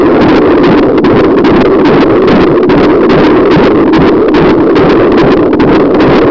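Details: Rapid rhythmic whooshing pulses through steady hiss at about 145 a minute: a baby's heartbeat in the womb heard on a fetal Doppler during pregnancy.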